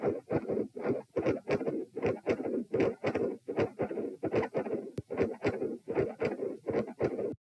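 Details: Doppler probe at position P during a lying-sitting-standing-lying auscultation stress test, lying-down phase: rapid whooshing pulses about 78 per minute with broad noisy swishes; multiple heart murmurs.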